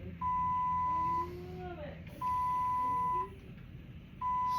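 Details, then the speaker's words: Steady one-second electronic beeps repeating every two seconds over faint room noise and distant voices: an infusion pump alarm in a hospitalized adult patient receiving IV lines, awaiting silencing. "did that a few times now I'm beeping um"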